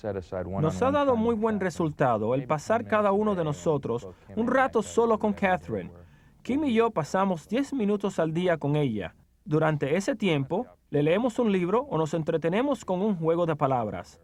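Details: Adult speaking Spanish; typical speech.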